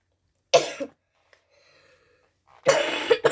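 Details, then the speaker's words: Two short harsh cough bursts separated by quiet, with some throat clearing, from a child who says they are sick again while playing a computer game; cough. "You know, guys, I'm sick."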